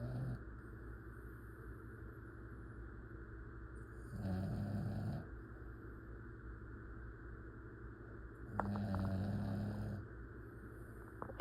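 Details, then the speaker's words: Pet dog asleep comfortably in his bed, snoring loudly: two low, rattling snores a few seconds apart over steady room hum; snoring. "he snored so loud. He sounds so sweet. He's like, I was wondering, what was that sound? And I looked, he was just so comfy in his bed."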